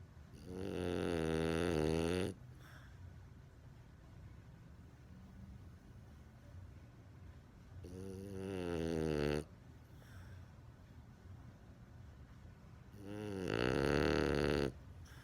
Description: Jorge, the French Bulldog puppy snores so loud! He lays down and seconds later starts snoring.